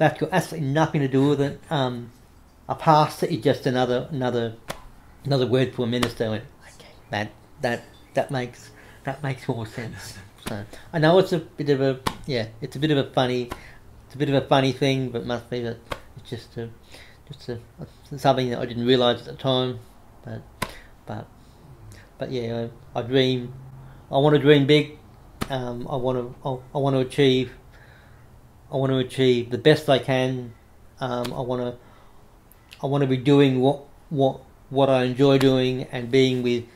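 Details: Adult man with cerebral palsy after severe meningitis in infancy, right arm and leg affected, says he has a bit of a stutter he controls by calming down; repetitions of words and phrases audible; stuttering.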